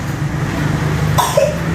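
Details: Child with cough and cold after eating carelessly five days after Lebaran: a single short cough over a steady low engine hum, as from a moving car.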